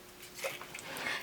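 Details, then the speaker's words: A single brief, sharp catch of breath in a quiet room: a hiccup; the person says she gets them a lot. "that sound was a hiccup just ignore it I get them a lot"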